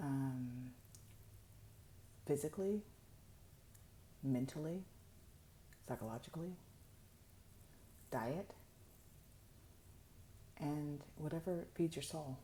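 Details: Adult woman with upper motor neuron dominant ALS, late in a long monologue, using a microphone because she says her voice gets softer the more she talks; hypophonia (reduced voice loudness) in ALS.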